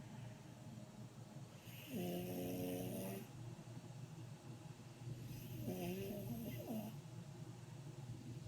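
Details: Woman snoring loudly: two drawn-out, buzzing snores about four seconds apart over steady room hum; snoring.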